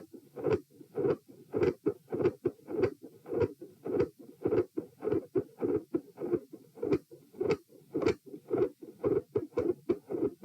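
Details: Sitting patient, recorded at position P: regular heart sounds near 100 bpm with a quiet S1 and a loud fixed split S2; near the end S1 and S2 grow louder, a murmur appears and the S2 split widens.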